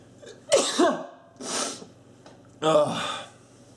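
Three explosive sneezes, each a sharp inhaled build-up followed by a forceful noisy burst of air.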